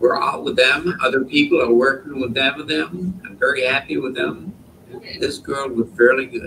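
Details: Wernicke's (fluent) aphasia caused by a stroke.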